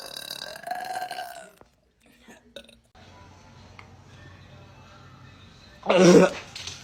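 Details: Burp in a Sprite burping challenge: one loud, low, rumbling burp near the end, preceded by brief music and quiet room sound.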